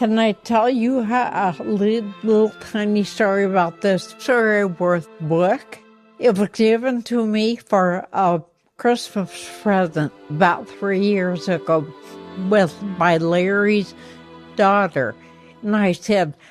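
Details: 84-year-old woman with progressive, incurable ataxia affecting her motor skills and voice; first signs in her 60s, with speech problems only in the last couple of years; ataxic dysarthria.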